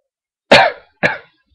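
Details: Two short, harsh, loose and throaty coughs in quick succession from an adult who has just taken medicine, in a quiet room at 1:38 a.m.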